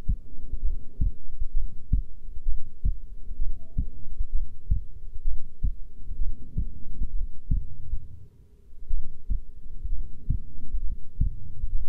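Steady low thumping heartbeat at roughly 65 beats a minute, a normal resting rate.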